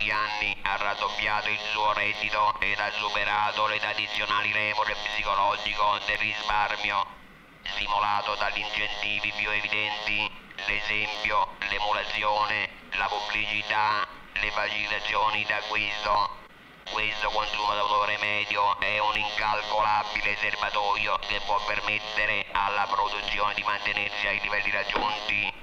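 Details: Acted scene from a 1963 Italian film in which a male professor character lectures using an electrolarynx: electrolarynx speech.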